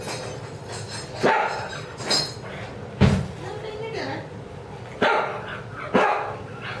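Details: A female dog's new wheeze, heard only when she barks, which began last week after starting vinblastine-folate chemotherapy: wheeze with barking.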